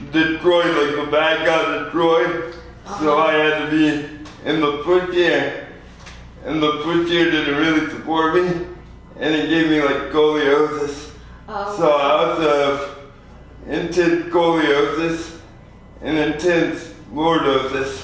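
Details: 24-year-old man with lifelong spastic quadriplegic cerebral palsy, born prematurely weighing 2 lb 4 oz; real patient; dysarthria (cerebral palsy).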